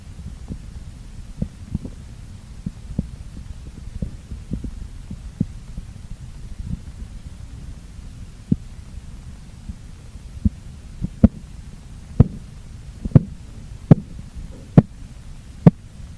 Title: How To check Blood Pressure With Sphygmomanometer || Check BP At Home || Check Bp manually